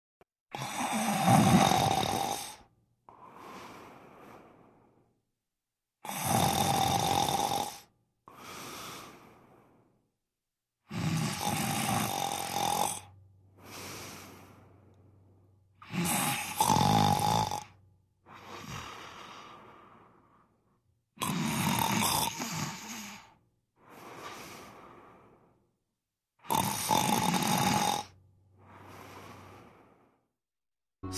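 Loud, rattling snores on each in-breath, about 12 breaths a minute, with softer out-breaths between.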